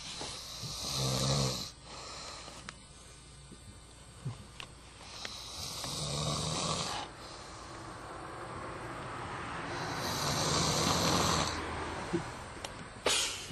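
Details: Male sleeper: loud, rasping snores on each in-breath, about one every four to five seconds, with a few snorts between; snoring.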